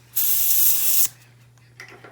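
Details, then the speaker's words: Dental air syringe drying a tooth after decay removal with a 330 bur, before an amalgam filling: one-second loud air hiss, then quiet room noise. "Once I have done that, I'm going to go ahead and dry this tooth off."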